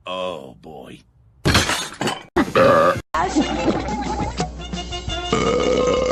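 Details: Cartoon burp compilation of female characters: a few drawn-out animated belching sounds among clips with music and voices; burping.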